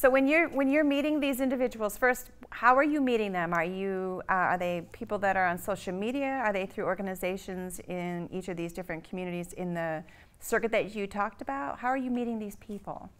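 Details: Adult woman, interviewer; normal speech.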